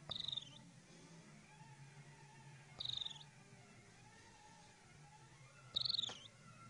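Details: High, thin, bird-like whistling squeaks with each breath about every three seconds from a sleeping mother; unusual snoring.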